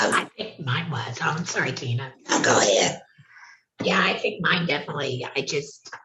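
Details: Alaryngeal speech from a laryngectomee after laryngectomy; the speaking method is not stated.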